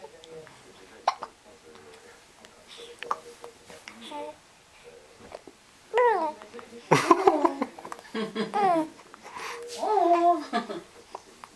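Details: Young child with hiccups: small hiccup clicks between the child's babbling and voice sounds; ordinary hiccups.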